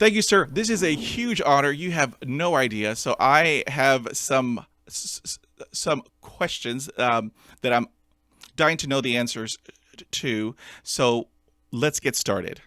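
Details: Adult male who lives with a stutter, speaking in conversation; stuttering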